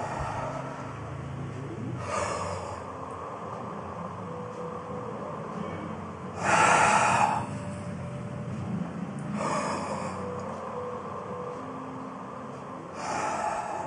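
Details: Sternocleidomastoid, an accessory breathing muscle, recorded with a SpikerBox: EMG of its activity during breathing, turned into sound as bursts of crackling static every few seconds over a steady hiss.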